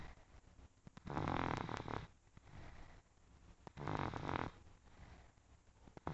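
Two loud, rattling snores about three seconds apart, each on an in-breath, with quiet breathing between them. Ordinary snoring.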